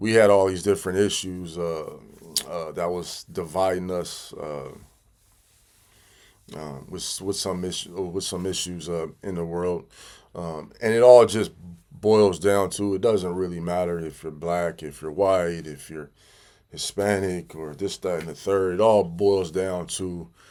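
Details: Adult man who stuttered as a child and still stutters 'big time', sometimes having to stop and regroup; stuttering.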